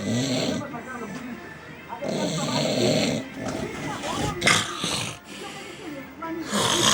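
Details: Heavy snoring: loud, rough, rattling snores on each breath in, with faint music and voices in the background.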